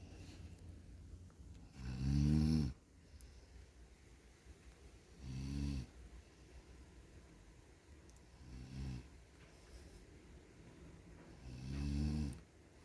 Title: snoring while sleeping|good or bad